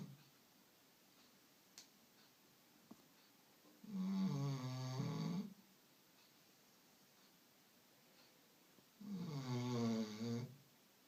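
Two long, rough, buzzing snores about six seconds apart in a quiet room, a dog snoring in sleep.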